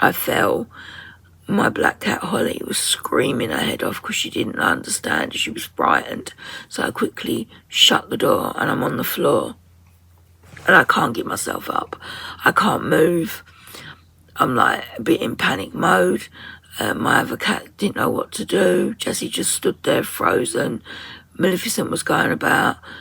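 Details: 57-year-old woman with muscle tension dysphonia (very tight, stressed muscles around the vocal cords) beginning after COVID pneumonia, also affecting swallowing; severe at times, in speech therapy; ENT found mucus and laryngeal infection, about 4 months' duration.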